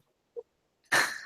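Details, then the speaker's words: Adult giving a single short, sharp cough after near silence, during a live conversation; described as just a little cough. "I didn't hear it. I just had a little cough."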